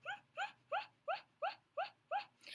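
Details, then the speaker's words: Vocal tics in Tourette syndrome: seven quick, identical high-pitched yelping squeaks in a steady run, mostly noises rather than words; simple phonic tics. "So, tics have been generally noises instead of words, and I've been making I made a video previous to this, and I was making all kinds of."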